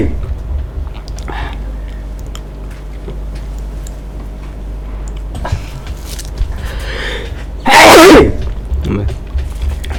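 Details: A single loud, sharp sneeze after a quiet stretch of room noise.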